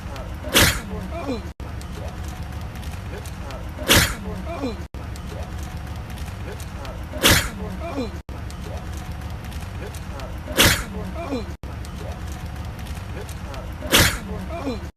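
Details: Repeated sneezing from one man: five sharp sneeze bursts spaced evenly, with cuts between them over a noisy background.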